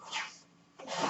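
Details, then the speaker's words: A man's own ventilator heard while he records a podcast: two brief airy hissing puffs separated by a short quiet gap as the home mechanical ventilator cycles. "My name is. That noise you hear is my ventilator."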